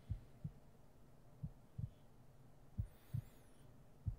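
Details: ASMR roleplay heartbeat sleep aid: soft, low paired lub-dub heart thumps at about 45 to 50 beats a minute, steady and unhurried.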